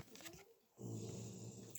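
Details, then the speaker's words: Small female dog of about 7–8 kg snoring loudly, a low rumbling snore on one breath after a quieter breath, in a small room. "And sometimes people don't attempt to do things, and I apologise for the snoring. Can you hear that? That's shocking. She's only about 7 or 8 kilos. She's tiny. She snores like a fully grown man"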